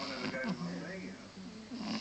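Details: A 4-month-old Pug puppy, relaxed on a sofa, snoring rather loudly with low, rattling, nasal snorts and whistling breath sounds; snoring.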